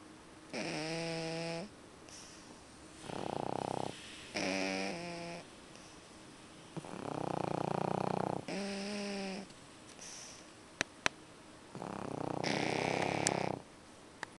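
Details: Two sleeping pug puppies snoring with repeated loud, tonal, rattling snores in rhythm with their breaths, some with a whistling edge; snoring.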